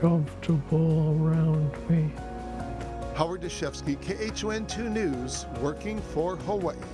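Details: Adult male reporter; Normal speech.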